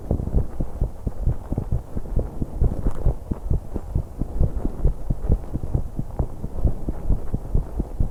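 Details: 21-year-old female's heartbeat and breathing sounds recorded while using an exercise bike, with much background noise from the recording method; rapid heartbeat during exercise.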